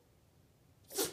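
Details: After a quiet moment, one short, sharp sneeze from a Yorkshire terrier with allergies during a repeated sneezing fit.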